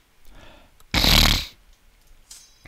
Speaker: oh man oh man I got to stop coughing so many regions in this